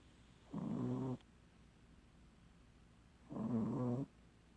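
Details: Two loud, rattling, throaty snores about three seconds apart with quiet between, from a sleeping pug: snoring.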